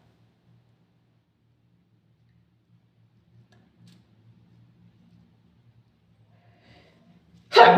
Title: sneezing into a tissue